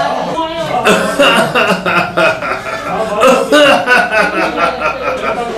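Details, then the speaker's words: Patient's rapid run of short, harsh, voiced, recurrent staccato "machine-gun" cough; clinician suspects a tubercular cough, advises an X-ray, and likens it to the Corallium rubrum cough picture; suspected tuberculosis. "get an X-ray done, there's a good possibility it's a tubercular cough. It's so recurrent that coughs like that."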